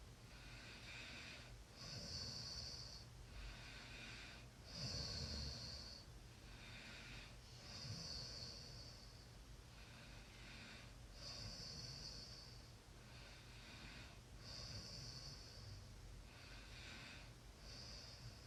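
Soft snorting breaths in a steady rhythm, about 20 a minute, over a noisy background: light snoring.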